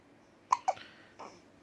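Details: 3-week-old baby girl who gets hiccups every time after drinking milk: two sharp, brief hiccups close together, then a soft breath; ordinary infant hiccups.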